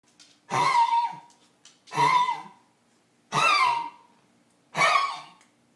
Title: bear cough monday